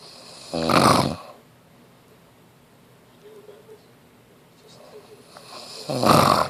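Two loud, rough, voiced snores about five seconds apart, with quiet breathing between them; snoring.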